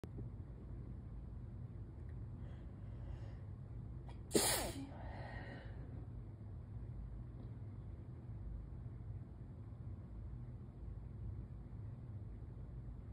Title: Let out morning allergy sneezes (pt. 2/3)